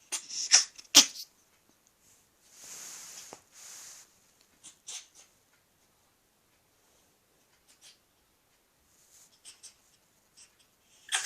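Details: Small, sharp, high-pitched hacking coughs from a ferret in short clusters, with soft breathy hisses between them.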